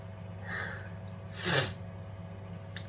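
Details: Sneeze during a skincare routine: a soft intake of breath, then one quiet, hissing sneeze in a quiet room.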